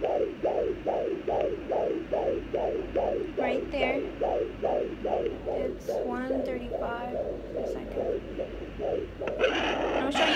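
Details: Fast, regular swishing pulses from a home fetal Doppler placed on a pregnant woman's abdomen, fetal heartbeat (daughter) at roughly 140 beats per minute.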